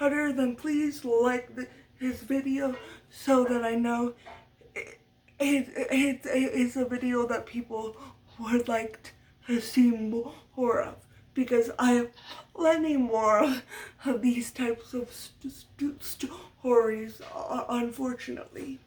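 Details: Adult woman who has stuttered all her life, a stutter she attributes to muscle tightness from cerebral palsy (brain damage as a baby); speech therapy from a young age through senior year of high school; uses techniques but will always stutter; stuttering.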